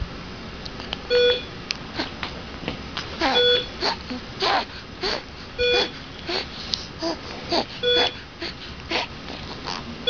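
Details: Harsh, noisy breath sounds from an awake child with stridor, over regular monitor beeps.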